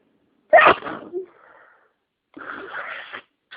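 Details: Person with a cold and sinus congestion, sneezes deliberately triggered by inhaling an allergen after 30 minutes of itching: a sharp, explosive burst with a trailing exhale, then a second airy sneeze.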